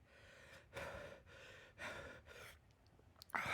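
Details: Man about a minute after eating a very hot chip (Reaper One Chip Challenge), with hiccups and saying he is panicking: several loud, breathy rushes of air in and out with pauses, then a sharp intake, gasping breaths.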